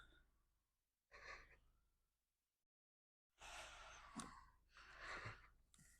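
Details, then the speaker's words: Several soft whooshing puffs with brief pauses: nurse giving three breaths with a manual resuscitation bag via tracheostomy to reoxygenate a simulated patient after open-system suctioning, saturation down to 95%. "I'm going to go ahead and re oxygenate the patient right his sat's down to 95 so we're g to give him those three"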